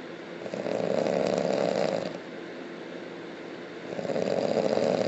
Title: Hardcore loud snoring